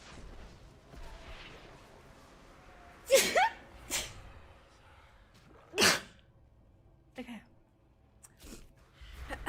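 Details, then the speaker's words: After a stuffy-nosed build-up, a sharp explosive sneeze, then a second sneeze with quieter sniffs and breaths; sneeze. "Oh no, I'm gonna sneeze. It's so annoying. What are you on about? I need to sneeze and I can't."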